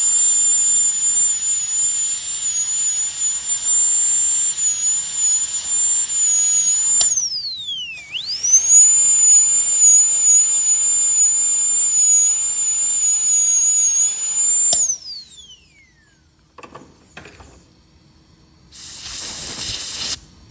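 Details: High-speed handpiece whine, steady and shrill, dipping under load and winding down twice, during a full metal crown preparation of mandibular molar #46 on a phantom head; high-speed dental drill.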